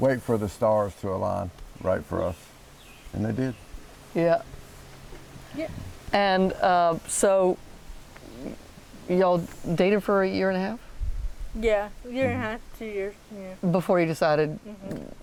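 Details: 40-year-old woman with athetoid cerebral palsy, GMFCS level 3/4, moderate to severe physical involvement from quadriplegia, using a walker and power wheelchair; dysarthria.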